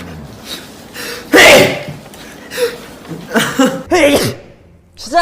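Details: Sneezing amid talk and laughter: a loud, explosive sneeze burst followed by further short sneeze-like bursts; sneezing.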